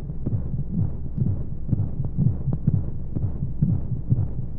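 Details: Womb-sound sleep aid for babies: muffled low thumps at a regular rate over a steady whooshing hum of flowing white noise, an imitation of a heartbeat heard in the womb.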